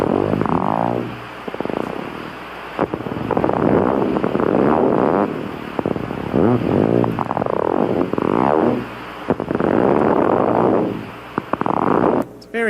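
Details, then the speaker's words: Needle EMG myotonic discharge: rapid repetitive firing whose rate changes exponentially, waxing and waning, speeding up and slowing down, swelling and fading, so hard to call truly regular. "so that that actually has an exponentially changing rap waxing and/or speeding up and slowing down rate so you know that's hard to identify that it's truly a regular but it does have an exponential change"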